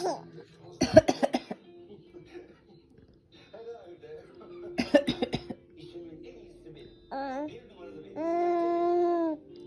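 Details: Young child gives two short bursts of repeated coughs, followed by happy, sing-song vocal sounds, seeming pleased after coughing.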